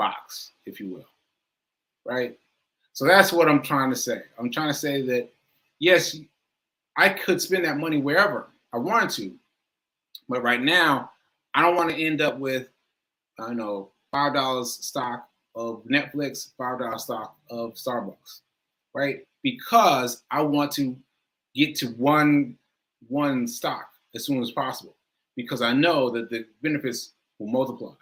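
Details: Male stroke survivor with aphasia, with difficulty finding and producing the right words; repetitions and word-finding pauses; aphasia after stroke.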